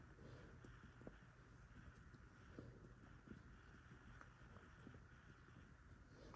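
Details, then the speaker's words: Short, hollow finger taps during abdominal percussion in a health assessment, moving zigzag from the right lower quadrant, after normal bowel sounds and before palpation showing no mass or tenderness; tympanic abdominal percussion. "We are gonna start with the right lower quadrant, and we are gonna move on a zigzag, so we hear like timpani."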